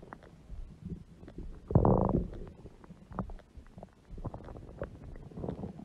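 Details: Adult woman (mother) with a large belly: gurgling, bubbling rumbles with one longer low growl; ordinary stomach growling bowel sounds.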